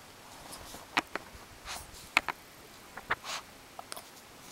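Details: A small fluffy pet's first heard hiccups: short, sharp click-like sounds recurring irregularly in a quiet room, each shaking its whole body.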